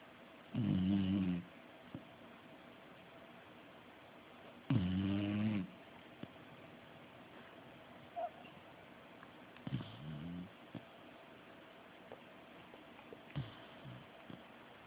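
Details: Dog, Sadie, snoring: two loud, rough, rattling breathing sounds a few seconds apart, then softer ones, over steady room noise.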